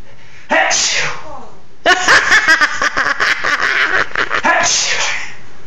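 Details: Pet parrot sneezing in imitation of a man's sneezes, prompted by its owners: several short, sharp sneeze bursts, with human voices in the background: sneezing.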